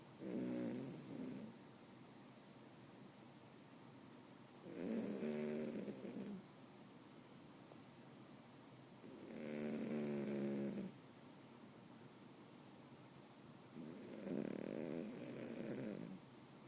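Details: Four rumbling snores on inward breaths, about one every four to five seconds, in a quiet room; ordinary sleep snoring in a dog.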